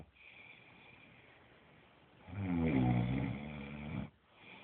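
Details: One loud, low, rattling snore on the in-breath after a quiet stretch of breathing, from a sleeping child with special needs; ordinary snoring sound.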